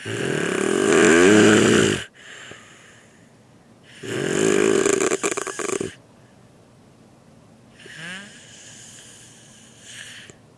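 Loud, rattling inspiratory snores about two seconds long, separated by quiet breathing pauses; snoring.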